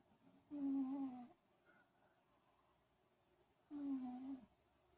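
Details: Cat snoring during sleep after a day catching frogs: two soft, tonal, humming snores about three seconds apart in a quiet room; gentle, harmless snoring.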